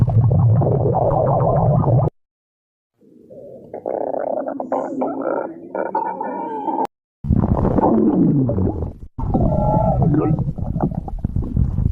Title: stomach growling 9